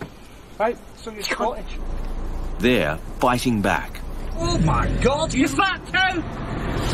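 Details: Adult man with severe Tourette syndrome, physical and verbal tics worsening at age 45; involuntary swearing; Tourette syndrome vocal tics (coprolalia).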